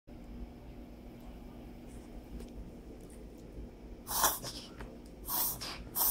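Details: Sneezing attack in a hot tub: two abrupt, forceful sneezes about a second apart; a short run of repeated sneezing.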